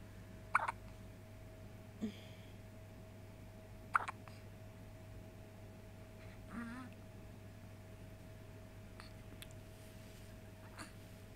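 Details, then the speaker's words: Baby hiccuping: two or three brief, sharp hiccup sounds a couple of seconds apart, with a steady hum in a quiet room. "This is the poor baby with the hiccup."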